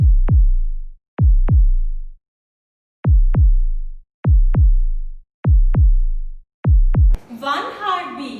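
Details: Six clear lub-dub pairs, about 50 a minute, with silent gaps between them, followed by brief speech: normal first and second heart sounds, from a school biology lesson on the cardiac cycle and heart sounds.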